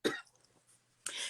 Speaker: please excuse my coughing. I have walking pneumonia and bronchitis right now, so I'm trying to be great.